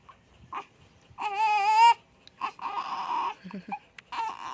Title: Hiccup baby. All I can do was to pat her head. 😐